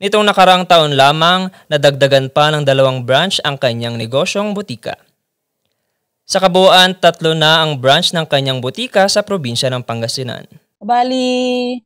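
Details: Adult male narrator; no disorder.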